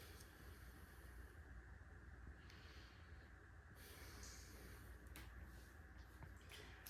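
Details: Female patient, stethoscope on chest during physical assessment: soft, rustling breath noise with no crackles or wheeze, normal depth and effort, equal expansion on both sides; clear, normal breath sounds.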